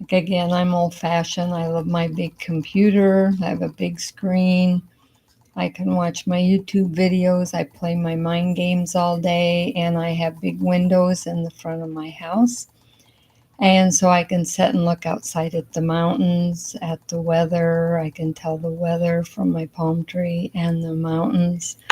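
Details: Woman with hereditary ALS (C9/ALS2 gene) about 9 years after diagnosis, on a new NIV ventilator with increased medication; a voice study rated her voice about half gone; dysarthria in ALS.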